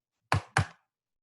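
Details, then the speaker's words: Simulated finger-percussion teaching demonstration: two short, muffled thuds with little ringing, a dull percussion note, shown in contrast to the stony dull note of pleural effusion. "This is going to be a dull noise."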